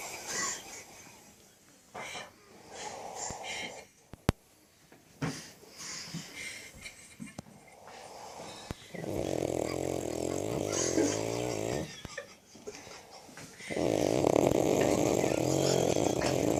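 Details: Woman asleep: loud rattling snores with long buzzy stretches between quieter breaths, over faint room noise; snoring.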